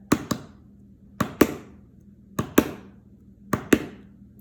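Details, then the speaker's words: Normal heart sounds, lub-dub: S1 from atrioventricular (tricuspid and mitral) valve closure, S2 "dub" from semilunar valve closure as the ventricles relax in diastole. "now the dub sound is made during the diastolic phase of the heart that's going to be your relaxation phase of the heart when these ventricles start to relax okay"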